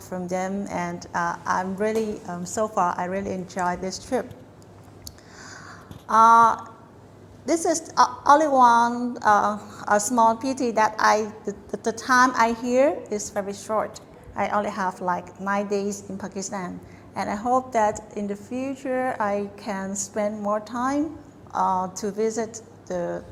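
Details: Adult woman; fluent speech.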